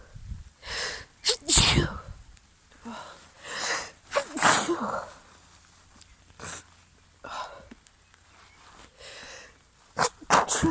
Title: Caught in the rain sneezes (f)